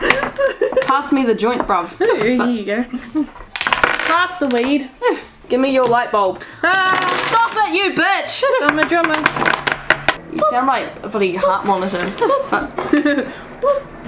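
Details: Adult speakers during a block-stacking game; Tourette syndrome vocal tics with coprolalia.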